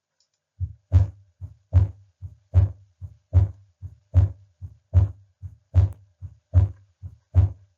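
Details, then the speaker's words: Supine patient, diaphragm of stethoscope at the pulmonic area: regular heartbeat near 75 a minute with a split second sound unchanged through inspiration and expiration: fixed split S2, as with atrial septal defect, pulmonary stenosis or bundle branch block. "again it's a fixed split S2 it will stay throughout inspiration expiration you will hear it in the pulmonic area"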